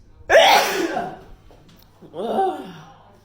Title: Hayfever Sneeze TikTok